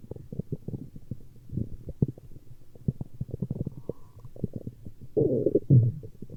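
Continuous low gurgles, pops and rumbles with a louder burbling stretch near the end: stomach growling from gas and fluid moving through the gut.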